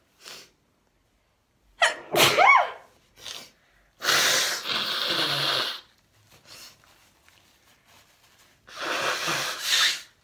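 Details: Women and girls with allergies sneezing sharply with a voiced inward gasp, then long noisy bursts of nose blowing.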